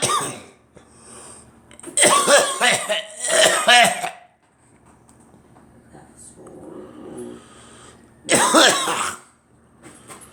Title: Me coughing